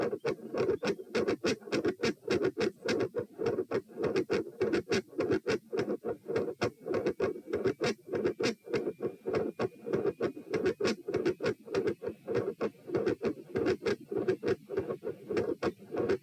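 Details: Heart auscultation stress test at position P (part 1), heart rate rising 78-102-120-138 bpm through lying, sitting, standing, bobbing, standing; fast, very loud heart sounds with dense rough waveforms, abrupt intensity change, unusually loud supine, and a murmur around S2.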